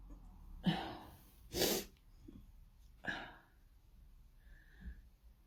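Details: Person sneezing with no known trigger: three sharp sneezes in a row, each with a short breath in before it, then soft breathing; paroxysmal sneezing fit.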